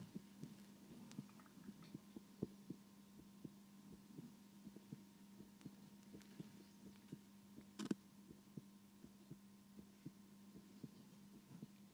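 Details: Stethoscope attached to a binaural dummy-head microphone: soft, regular heartbeat thumps at about 100 a minute under a steady low hum; heartbeat.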